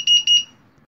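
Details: Hospital syringe pump: four rapid high-pitched electronic beeps in two short bursts, the syringe pump alarm tone.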